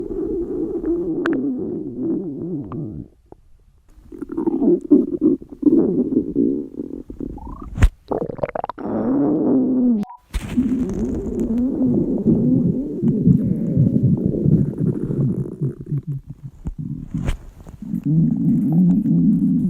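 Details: Stomach growling from hungry girls: long, loud gurgling and rumbling from an empty stomach, ordinary hunger growling (borborygmi).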